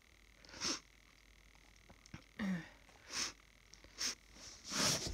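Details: Someone who woke up sniffly, possibly with the start of a cold, gives a run of five short, sharp sneezes with sniffing between them against a steady room hum.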